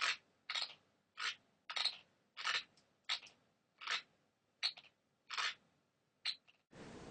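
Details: Rapid, irregular gritty scraping bursts, about 11 in six seconds, recorded on a laptop while the person sleeps, described as very noisy: sleep bruxism (teeth grinding).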